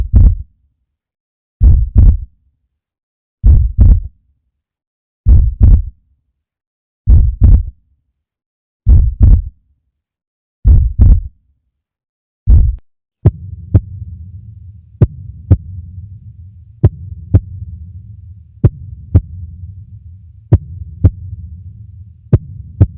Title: Heart sound...Lub-Dub.. Heartbeat......